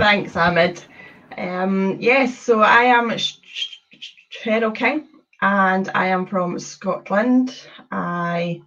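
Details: Adult woman who describes having had a speech condition; stuttering.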